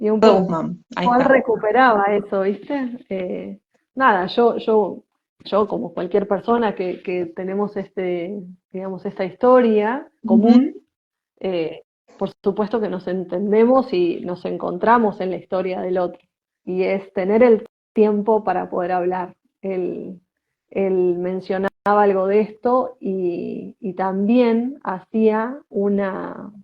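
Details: Woman who identifies herself as a person who stutters; stuttering.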